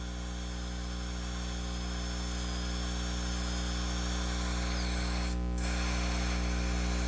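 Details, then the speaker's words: Steady low motor hum with faint high dental handpiece whine as the bur rounds the distobuccal line angle during stainless steel crown preparation of a child's mandibular left second primary molar with gross caries, under rubber dam. "Next, use the side of the burr to round off the distobuccal line angle."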